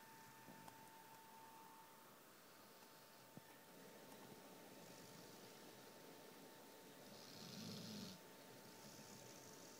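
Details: Soft snoring from a sleeping dog, one louder snore among quiet breaths, over steady room hum.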